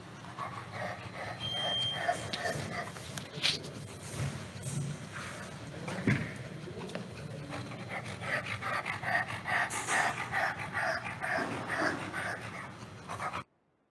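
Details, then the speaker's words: Dog panting rapidly and unevenly, with added harsh noisy breath sounds from upper airway obstruction. "okay so this is also uh obstruction of the upper airway la that would be the sound"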